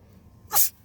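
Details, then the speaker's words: One short, sharp, hissing sneeze lasting about a fifth of a second from a female pet cat watching birds outside. "bless you you did a sneezy you need to sneeze"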